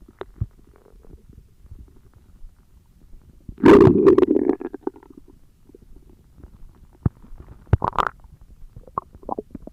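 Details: Stomach growling: quiet gurgles, then a loud rolling growl and scattered bubbling pops; ordinary bowel sounds (borborygmi).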